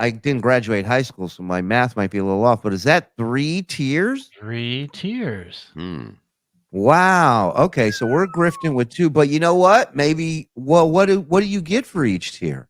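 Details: Adult male speaker; typical speech.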